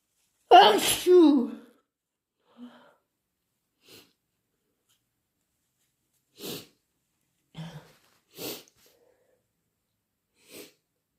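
One loud, wet sneeze followed by quieter sniffs and short nose blows in a quiet room; an ordinary sneeze.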